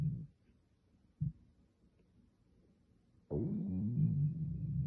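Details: A loud stomach growl that a Boxer dog reacts to: low rumbling gurgles, then a long drawn-out growl, which is ordinary stomach growling (borborygmi).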